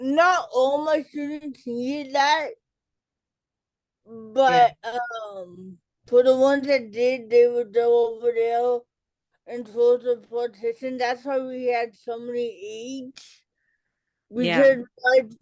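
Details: Adult woman, an educator and author with cerebral palsy, speaking in a real interview: dysarthria due to cerebral palsy.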